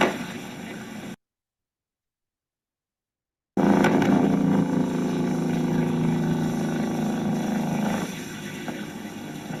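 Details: Complex repetitive discharges with fasciculations (EMG).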